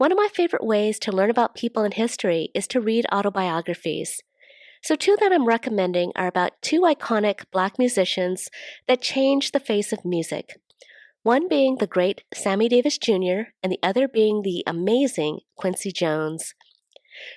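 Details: Adult woman; Typical speech.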